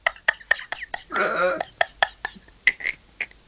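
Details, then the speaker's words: Man with ridiculous hiccups in his room, described as sea-lion-like: rapid, sharp, abrupt throat catches in quick succession, broken by one longer croaky sound. "has hiccups I think I stop now"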